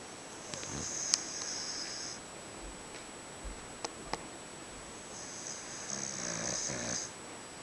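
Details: Uncle snoring on a New Year's vacation: two breathy, hissing snores about four seconds apart with quiet clicks between them in a quiet room.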